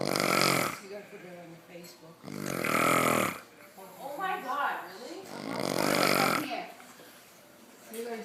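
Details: Loud, rough, rattling snores about every three seconds, with quieter breathing between them; snoring.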